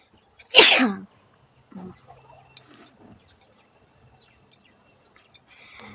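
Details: Sneezing challenge, sneeze provoked by tickling the nose with a stick: one loud explosive sneeze, then quiet rustling and faint sounds, one of a counted series toward 30.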